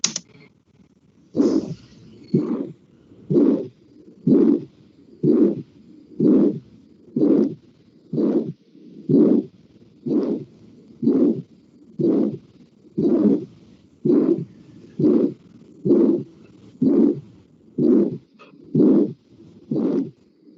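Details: Regular heartbeat near 62 a minute, each beat carrying a harsh rushing murmur of aortic stenosis, played in a physical-examination (semiology) class.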